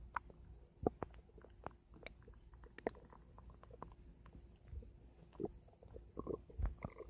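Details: Adult's stomach making noise: irregular gurgles, clicks and squelching pops, some short and sharp, a few longer bubbling runs over a faint steady hum; active bowel sounds (borborygmi).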